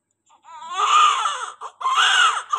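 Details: Newborn just after caesarean delivery, currently doing well: strong, sustained cry in two loud bursts with a brief catch between; vigorous newborn cry.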